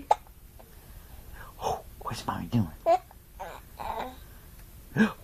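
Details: Baby with hiccups while laughing, babbling and cooing: several short, sharp catching sounds interrupt the vocalizing, with an adult voice faint nearby; recorded on a mobile phone.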